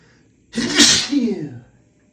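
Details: One loud, explosive sneeze with a sharp hissing burst of air from a male in a post-shower allergic sneezing fit, triggered by hotel soap fragrance.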